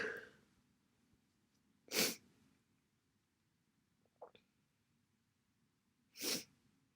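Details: Person with a cold: two massive, forceful, wet, explosive sneezes several seconds apart with a quick breath between, in a quiet room.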